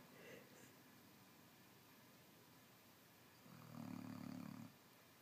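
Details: Marleigh snoring, recorded 10.27.16: quiet room, then one harsh, rumbling breath noise lasting about a second; snoring.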